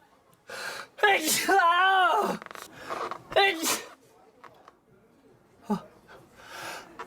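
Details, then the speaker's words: A voiced, drawn-out sneeze with a wavering vocal tail, then a second shorter burst and quiet breathing in a small room. "아이고 재채기 나올 것 같아. 재채기."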